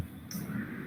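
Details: Healthy control repeating 'pa-pa' as fast and clearly as possible, much faster than ALS and Parkinson's patients; normal diadochokinesis.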